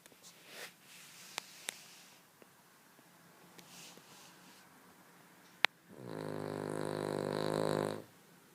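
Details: Small dog: a loud, rattling snore lasting about two seconds, following quiet room noise with a few clicks; snoring.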